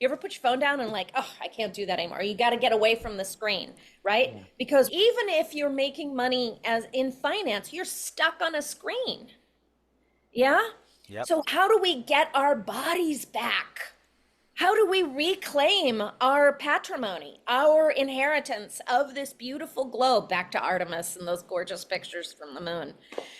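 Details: Adult speaker in conversation; normal speech.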